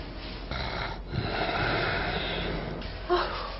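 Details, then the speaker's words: Sleeping adult man during a sleep study: loud, harsh, rattling snoring, then sudden silence as breathing stops, consistent with obstructive sleep apnea. "잠이 들자 시끄럽게 코를 골다 갑자기 소리가 없습니다 숨을 멈춘 건데요"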